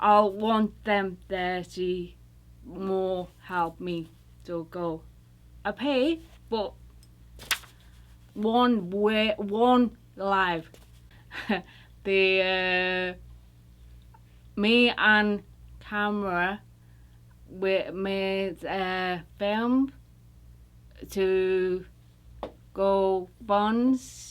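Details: UK woman recovering from a stroke, attending an intensive aphasia therapy program; Broca's aphasia with apraxia of speech.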